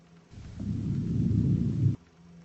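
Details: Soft, low rustling airflow builds over about 1.5 seconds, then stops abruptly: one breath phase of symmetric normal vesicular breath sounds, heard on the back along the scapular line.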